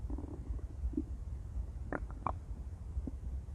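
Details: Intense stomach growling from a woman: low rumbling with a few short gurgles and squeaks over steady low noise, normal bowel sounds.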